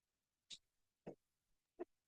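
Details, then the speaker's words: An adult apologizes for coughing during a lesson: three short, quiet cough bursts about half a second apart in a silent room. "So sorry, I'm coughing. I don't know. Several times you will hear about my cough."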